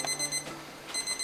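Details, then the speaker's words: Tabtime Super 8 pill timer for Parkinson's patients: high electronic beeping in two short bursts of rapid pips with red flashing lid light, a dose reminder alarm lasting 30 seconds; medication reminder alarm. "hear the audio alarm and see the red flashing light on the lid the red flashing light on the lid is a m dose reminder to help remind you to take your tempet"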